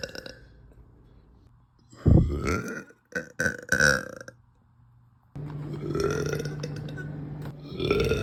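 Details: Woman, feeling bloated after lunch, lets out several deep, loud, low-pitched burps in a cluster; belching (eructation).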